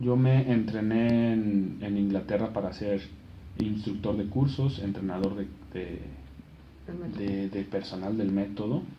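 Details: Adult man who has stuttered since he began speaking and is trained as an instructor of the McGuire Programme stuttering method, speaking Spanish in a radio interview: stuttering.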